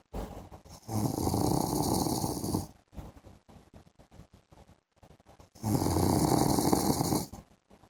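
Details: A husband asleep in the afternoon gives two long, loud, rattling snores on breathing in, with quieter breathing between; ordinary heavy snoring.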